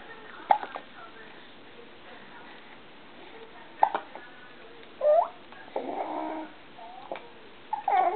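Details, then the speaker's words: Infant with repeated hiccups: brief sharp catches recurring every few seconds between soft infant sounds, while a caregiver talks to the baby. "Oh hickup Go away hickup Go away I don't like Those hiccups"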